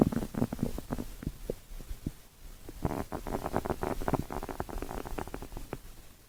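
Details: Five minutes of stomach growling: low gurgling rumbles and bubbly pops in irregular bursts, a normal sign of gut movement.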